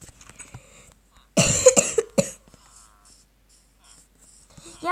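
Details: A girl who says she is slightly ill, with a cough and runny nose, gives a short run of three or four harsh coughs in a quiet room while playing Minecraft, with faint game sounds.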